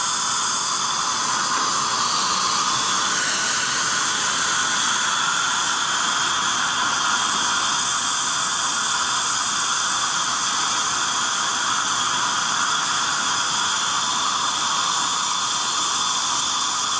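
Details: Acteon Neutron piezoelectric ultrasonic scaler on the upper left quadrant at power setting 4.5 to show aerosol, with HVE suction near the tip: continuous loud high-pitched hiss and whine with water spray noise.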